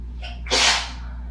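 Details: Sneeze from dust while cleaning house: a brief in-breath, then one sharp, harsh, hissing burst over a steady low hum; a single sneeze.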